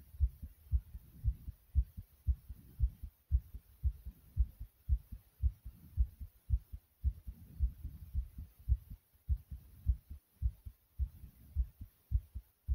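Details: Recorder's own heartbeat: strong, pounding, loud low thumps at roughly 110 to 115 beats per minute; strong heartbeat.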